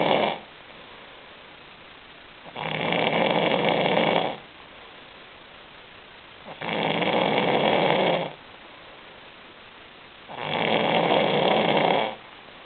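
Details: Group member snoring, sound only: loud, regular rasping snores, about one every four seconds, roughly 15 a minute.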